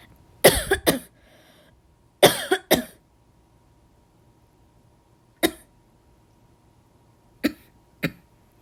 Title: have a dry cough